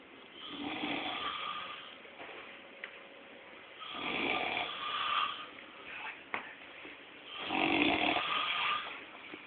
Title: Snoring father dearest